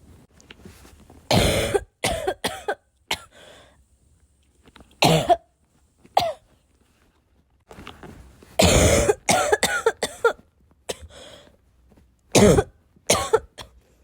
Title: I have a bad cough